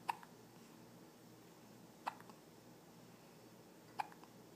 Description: Trying to sleep and her hiccups keep waking her up!